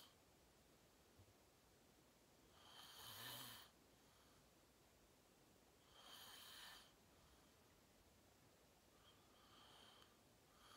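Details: Real self-recorded sleep; person fell asleep fast, around 8:45, and slept deeply, reportedly REM. Rough, noisy snores with each breath, about three in ten seconds, over faint room hiss. Snoring during sleep.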